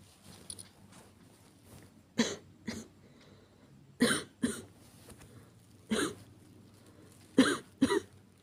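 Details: Simulated, acted cough by a woman portraying a girlfriend with cough and fever: about seven short, dry coughs, mostly in pairs, with quiet pauses between bouts.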